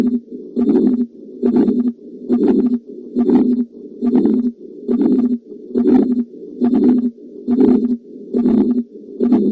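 Regular heartbeats at about 70 a minute, each followed by a rushing, whooshing sound that fills much of the cycle instead of the usual quiet gap. This is a heart murmur, extra sound from turbulent blood flow through the heart or its valves.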